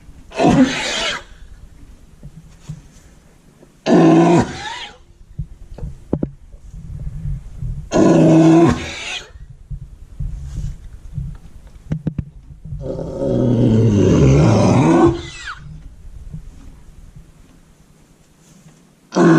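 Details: Horse coughing in his stall, owner very concerned about how bad it was: four harsh, deep coughs, the last long and rattling, with stable noise between; a persistent cough.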